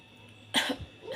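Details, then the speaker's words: A young child with a persistent cough since the previous night who coughed until falling asleep and still coughs despite medicine: a single short, harsh cough with a quiet breath after; the child is very short of breath. "Ini udah mulai batuk-batuk Terus tidur-tidur jam berapa ya Jam 12 tuh jam .30 .30 ituih batuk sampai dia tidur aku tungguin guys kasihan banget bengek"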